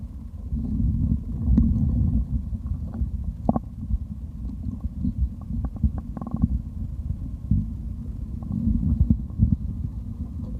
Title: Stomach growl (drinking)